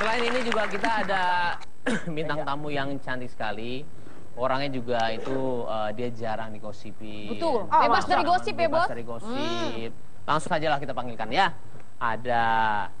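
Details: Adult male speaker; plain speech.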